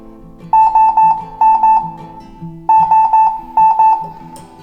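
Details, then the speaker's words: Repeated bursts of clipped tonal beeps with a lower alert tone between them: a Ruah ventilator's high-pressure and high-volume alarms, set off by simulated patient triggering interactions during a usability training. "ao simular essas interações do paciente ocorreram dois alarmes de pressão e volume visto que a pressão superou a pressão o link o aluno emitido alarme superior e o volume da mesma forma"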